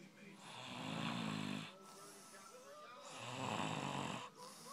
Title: the burger snoring